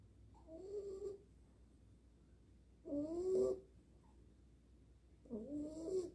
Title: Tiếng ngáy của Nari - dog Nari's snore